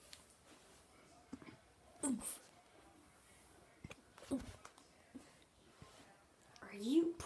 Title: Doggy had hiccups